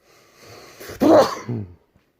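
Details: A quick inward breath followed by one loud, explosive sneeze that fades in under a second: a loud sneeze.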